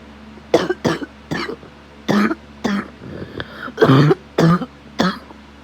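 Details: Adult with asthma who smokes daily, ill after exposure to a sick child, chest occasionally burning: about eight short harsh coughs in a row with a steady low hum behind; cough of a respiratory illness, cause unknown.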